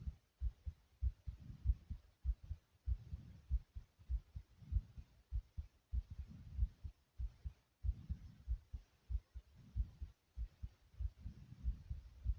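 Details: Heart racing after more jumping jacks: fast, regular heart thumps near 100 a minute with heavy breathing, a normal rapid heartbeat after exercise.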